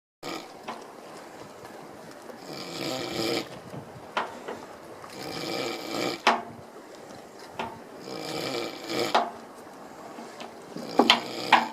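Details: Snoring: rough, rattling snores recurring about every three seconds, roughly 20 per minute, with quieter breathing between them.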